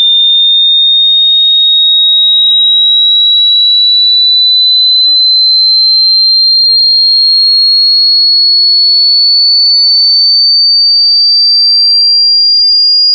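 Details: Self hearing test played through headphones: a steady high-pitched pure tone slowly rising, part of a frequency sweep with audible frequencies displayed on screen.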